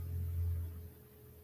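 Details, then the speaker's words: Adult's stomach gurgling during a side-body stretch: a brief, low, deep rumble fading after about a second, ordinary bowel sounds. "opening up that shoulder I don't know if you can hear my stomach gurgling"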